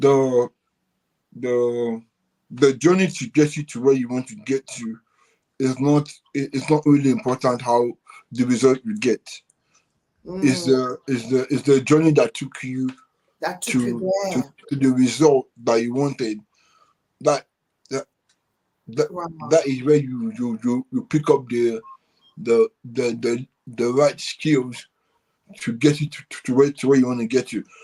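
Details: Adult man with cerebral palsy since birth, which he attributes to high bilirubin at birth and says affects movement and speech: dysarthria (cerebral palsy).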